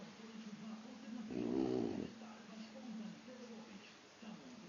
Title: Puppy boxer Khan snoring